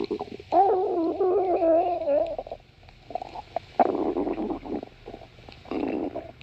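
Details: Stomach growling: a long rising and falling squealing gurgle, then bursts of bubbly rumbling; ordinary bowel sounds.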